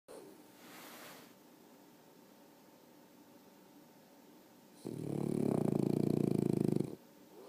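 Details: Snoring: a faint breath, then one loud, buzzing, fluttering snore lasting about two seconds over steady room hum.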